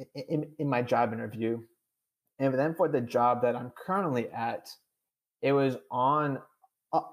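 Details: Adult man with stuttering; real, unscripted conversational speech; finding: stuttering.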